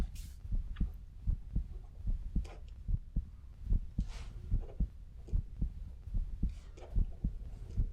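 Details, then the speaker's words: Simulated ASMR doctor check-up roleplay: steady, regular heartbeat about 74 per minute under soft whispering while the doctor listens to heart and lungs; patient told all is fine; normal heart sounds. "so I'm going to listen to your heart and your lungs"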